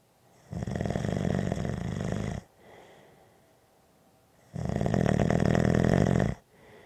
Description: Just a short snoring audio clip!